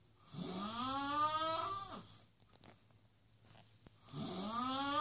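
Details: Guest snoring: loud, drawn-out snores with a rising, whining pitch, separated by quiet pauses; heavy snoring.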